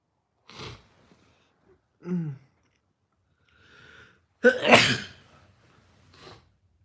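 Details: Several quick ordinary sneezes, one loud and explosive, with short breaths and quiet gaps between.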